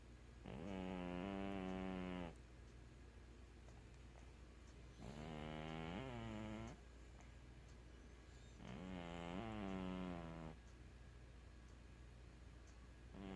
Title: Snoring cat